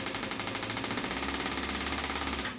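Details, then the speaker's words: Radial shockwave therapy device (compressed-air hand piece driving a metal bullet against a transmitter head) switched on for a plantar fasciitis foot pain demonstration: rapid, evenly spaced mechanical tapping like a small jackhammer at a high pulse rate. "now this hand piece itself is designed to be able to control two things one is how fast that metal bullet goes up and down and hits that transmitter head and how hard it hits against that"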